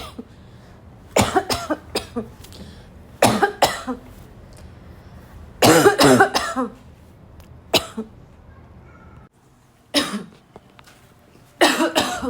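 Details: A girl coughing hard: repeated raspy, barking coughs in bursts of two or three during a coughing attack, with throat clearing between, over a low room hum.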